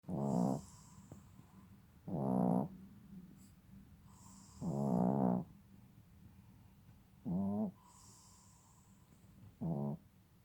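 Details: Rhythmic low, buzzing snores with quiet pauses between, about five in ten seconds, from a sleeping male nearly 6 months old, over a steady background hum; snoring.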